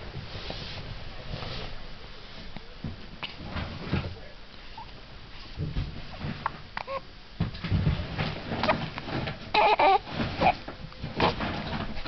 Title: Baby has Hiccups